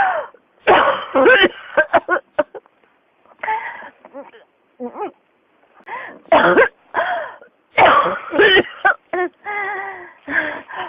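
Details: Persistent cough: repeated bursts of coughing and throat clearing in close succession, recurring.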